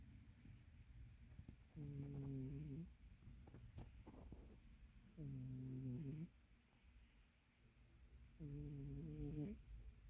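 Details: A fat cat resting and chilling gives three slow, low rumbling snores, each about a second long, with quiet breathing between; snoring during relaxed sleep.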